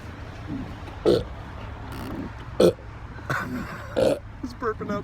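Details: Man who has had repeated burping for at least 4 years, burping out smoke: four loud, deep, rumbling belches about a second apart, with brief talk between.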